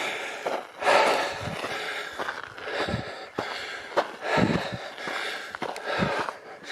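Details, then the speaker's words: Adult coughing while walking uphill outdoors, saying the cough is clearing the lungs: three or four rough, breathy cough bursts with heavy breathing between them, wind noise; a cough. "As you can hear, I'm still coughing, but it's clearing my lungs."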